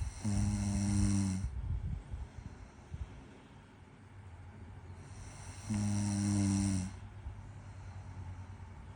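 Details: Girlfriend snoring in her sleep: two loud, low, rattling snores on the in-breath, roughly five seconds apart, with quieter breathing between; ordinary snoring.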